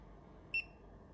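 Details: Single short high-pitched beep from a Kaixin BVT02 bladder scanner marking a completed, deliberately off-centre scan with the probe angled right, over quiet room noise.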